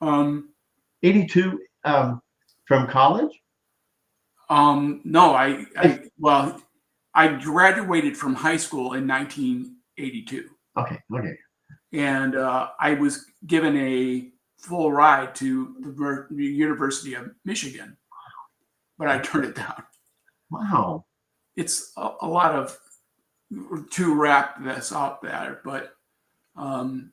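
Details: Adult man with aphasia and word-finding difficulty after a traumatic brain injury from a bicycle accident about four years earlier, which left him in a coma; he is still recovering speech; aphasia.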